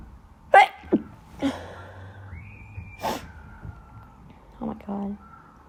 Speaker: I'm gonna sneeze. I sneezed all day at school today. I'm not sick. Just allergies again.